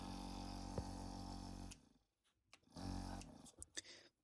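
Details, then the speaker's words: Nebulizer machine after compressor repair and servicing: steady low mechanical hum of the compressor running, then stopping, with brief handling clicks and a short restart; nebulizer compressor running. "এখানে সুন্দরভাবে চলতেছে দেখুন। তো nebuliser আসলে ব্যবহার করার কারণ হলো যেখানে লাইজার ব্যবহার করা যায় না বা বাচ্চাদের জন্য বা যারা নিঃশ্বাস ঠিকমত টান দিতে পারে না তাদের জন্য এটা।"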